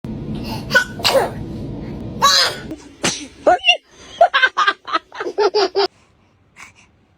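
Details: Infant sneezing: several sharp, noisy small sneezes, three or four in a row, followed by brief high-pitched baby vocal sounds over steady background hiss.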